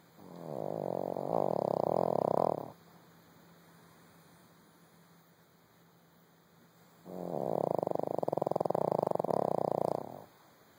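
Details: Small dog napping deeply after a busy day: two long, rattling snores about seven seconds apart with a quiet pause and steady background hum; dog snoring.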